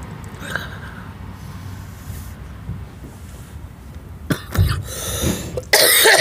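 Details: Adult who vapes and says they have been quite sick lately, recorded in the morning: after a quiet stretch, a short run of about four harsh coughs.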